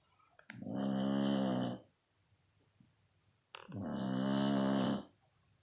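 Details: Two long, loud, rumbling breaths drawn in during sleep with a rough vibrating tone; loud snoring.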